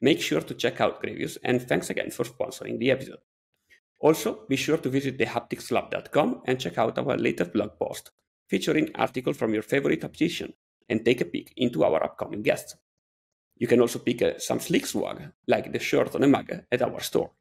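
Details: Adult male speaker; typical speech.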